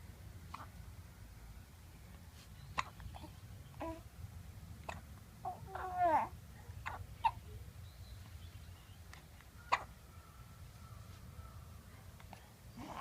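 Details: Baby hiccups: sharp, brief hiccup catches roughly every two to three seconds, about four in the clip, amid babbling and squealing.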